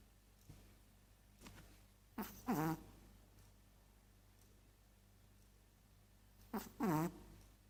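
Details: Sleeping Chihuahua snoring: quiet snuffling breaths with two short rattling snorts.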